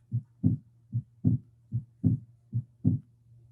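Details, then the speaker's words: Split second heart sound (split S2): a regular heartbeat at about 75 a minute where the second sound is doubled, like "lub-dub-dub". "so instead of a nice lub dub you get lub dub dub lub dub dub lub dub dub the love is there but the dub sounds just like it's doubled a bit"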